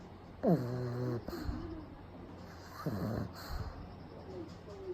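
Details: Pug napping with eyes rolled back to the whites: two loud, rough, voiced snoring breaths a few seconds apart, with quieter rattling breathing between; snoring.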